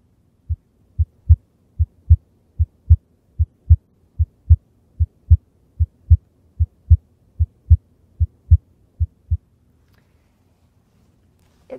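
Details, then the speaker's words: Regular S1 and S2 heart sounds at about 75 beats per minute, heard by stethoscope at the point of maximal impulse between the fifth and sixth ribs on a student: normal heart sounds. "like your heart rate's just about 75 beats per minute and when I'm listening I'm also able to hear the basic heart sounds so by that I mean S1 and S2"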